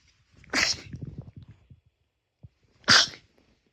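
Two sharp, hissing sneezes about two and a half seconds apart, with soft snuffling between; sneezing.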